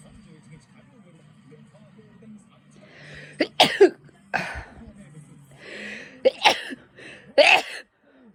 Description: 人間のくしゃみはどうやら猫からは威嚇に聞こえる説。